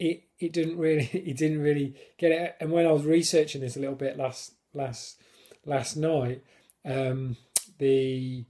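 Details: Adult man who stammers, now controlled with a technique learned on a course (blocks without it); he considers it a disability; stammering.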